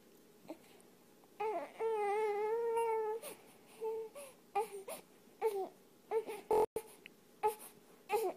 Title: Cat soothing crying baby to sleep